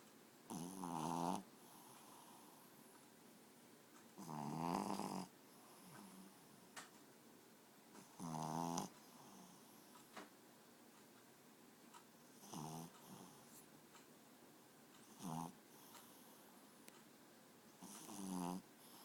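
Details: Boy snoring: rhythmic buzzing snores, some louder and some fainter, at about 16 breaths a minute in a quiet room; ordinary snoring.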